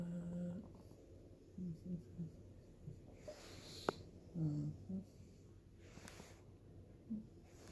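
Soft, low, whistling snores from a sleeping cat, coming in brief irregular bursts over a quiet room; snoring.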